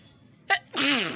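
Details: A quick inward catch followed by a loud voiced sneeze from a person who caught a cold after getting soaked in rain, with sneezing and a runny nose.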